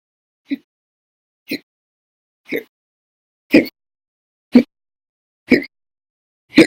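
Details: Seven abrupt, clipped hiccups about one second apart in a silent room; violent, very loud, persistent recurrent hiccups logged November 2019, with episodes lasting hours, some after naps.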